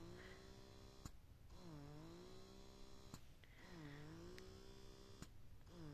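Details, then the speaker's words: Rhythmic mechanical hum with repeated rising and falling cycles and soft clicks, about 29 per minute, from a Bella Baby wearable breast pump (W40) running in expression mode. "तो इन सब की ही जो है आवाज़ इसकी जो है वो 55 dB तक जा रही है, इनकी अराउंड 50 dB है।"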